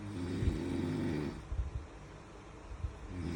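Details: Sleeping person snoring, with low, rough, fluttering rattles on the breaths over steady room noise; snoring.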